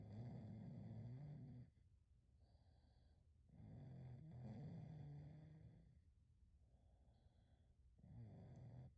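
Soft, regular low snoring from a sleeping dog, about seven breaths a minute, with vibrating inhalations and quieter exhalations.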